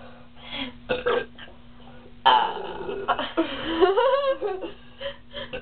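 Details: Girls deliberately burping as much as they can while drinking cream soda: drawn-out, voiced burps over a steady background hum.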